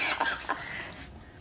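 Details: Cough in a real GP consultation: two short, harsh adult cough bursts close together, fading into quiet room noise.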